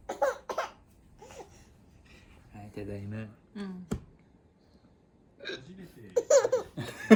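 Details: Adult man (baby's father per caption) with ordinary hiccups: short abrupt hiccup sounds, a baby laughing in between.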